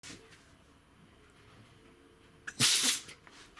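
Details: A short, forceful, hissing sneeze from a dog after a quiet stretch of room noise, during a sneezing attack.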